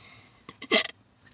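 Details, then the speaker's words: Person sitting in a car in a parking lot before eating, with frequent hiccups: a single abrupt voiced hiccup, a sharp catch in the throat, in a quiet space. "hey guys so but I think my body knows when I'm about to eat some food cuz I get really bad like hiccups like they get excited"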